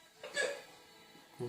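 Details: Hiccups: a brief sharp voiced catch, then a quiet pause and another short sound.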